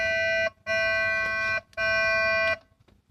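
Two loud, steady electronic tones, each about a second long, with a short gap between them: an alert tone from a dialysis machine during setup.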